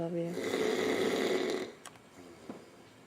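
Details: Adult man snoring loudly, keeping others awake: one long, rough snore on an inward breath, then quieter breathing.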